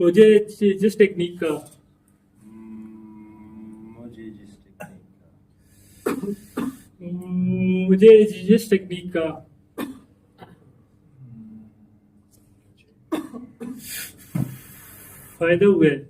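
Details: Member of a stammering self-help group, speaking during a session on voluntary stammering; stuttering.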